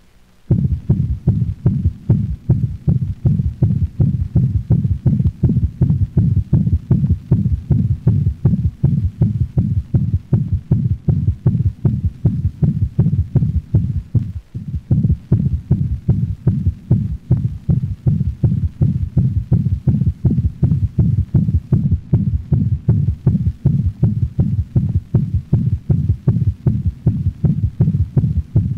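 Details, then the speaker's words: A dog in heart failure with mitral insufficiency: rapid heartbeat about 160 a minute, a loud murmur followed by a low-frequency thud, an intensified third heart sound (S3 gallop). "listen to the next recording of a dog in heart failure the third heart sound is a low frequency sound that gives the impression of a thud after the murmur"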